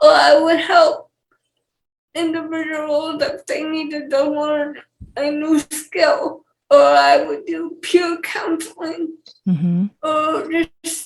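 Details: 28-year-old woman with cerebral palsy and speech issues; dysarthric speech in cerebral palsy.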